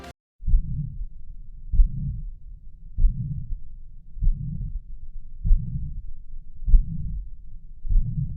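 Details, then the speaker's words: Mitral regurgitation, best heard at the apex with the stethoscope diaphragm, patient in left lateral decubitus: a slow regular heartbeat with a soft first sound and a high-pitched, soft, blowing pansystolic murmur radiating to the left axilla. "auscultation features 1. soft first heart sound due to partial closure of mitral valve 2. pan systolic murmur mitral regurgitation throughout"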